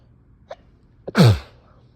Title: Very wet sneezes